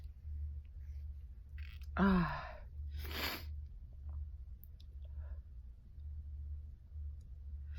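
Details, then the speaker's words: A single sharp sneeze with a quick inhaled build-up, then a breathy release, over low room hum, from a person who says they had needed to sneeze for a long time. "my god. Finally. I've needed to sneeze for so long."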